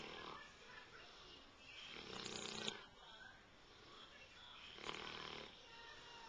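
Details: Black Labrador snoring loudly while asleep, human-like: two loud, harsh, rattling snores about three seconds apart over steady room noise; snoring.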